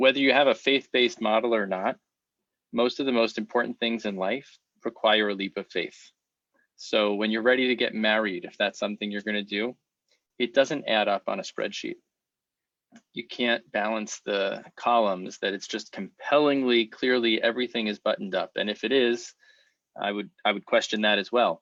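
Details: Adult man speaking; typical speech.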